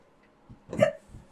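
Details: Adult's hiccups starting mid-conversation, with a sound of punching a hand against a fist to stop them; hiccups.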